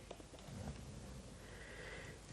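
Low, rough snuffling breath noises from a sleeping dog, typical snoring in a quiet room.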